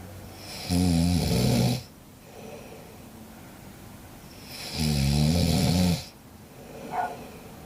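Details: Sleeping cat, its snoring questioned (tagged "not snoring"): two loud, buzzing snore-like sounds about four seconds apart, with quiet breathing between them.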